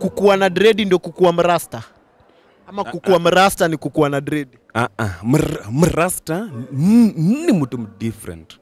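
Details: Adult male speaker; plain speech.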